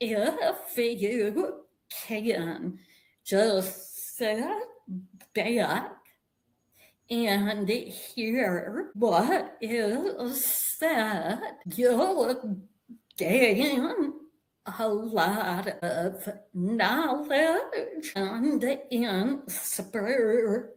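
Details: Vocal tremor in an adult woman, which she attributes to more than 50 years of narcissistic abuse and trauma that began at age five with her father and continued through abusive relationships; a real, not acted, condition.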